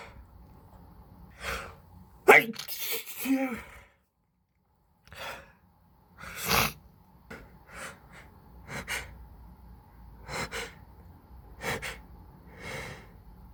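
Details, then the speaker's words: Adult allergy sneezing with intense build-ups: several sneezes, one with a loud gasping build-up and a forceful burst, then quieter sniffs and breaths; repeated allergic sneezing. "Oh dear. Oh, I'm gonna sneeze again. Excuse me."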